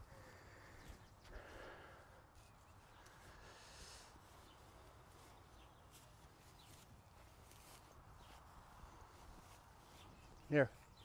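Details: Rescued Haflinger horse during an equine chiropractic session, walking after back and hip adjustment: hoof steps outdoors, then one short, loud nasal blow near the end; a single snort.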